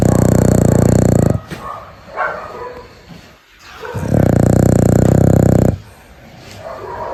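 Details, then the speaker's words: Dog snoring during sleep: loud, low, fluttering rattles on two in-breaths, separated by quieter breathy out-breaths. "今天给你们听一下丫头的呼噜声，接下来我就什么话都不说了，你们只需要静静听她打呼噜的声音。"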